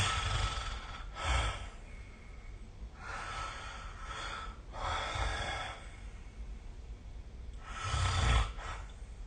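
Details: Snoring during sleep recorded with the SnoreLab app: slow, rough breaths with a low rumbling snore on each breath, roughly every two to three seconds.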